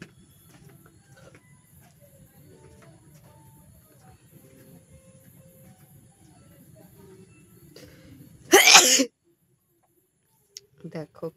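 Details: Deliberately provoked sneeze in a sneezing challenge, leaving watery eyes: quiet room noise, then one loud explosive sneeze followed by a few soft sniffs or breaths.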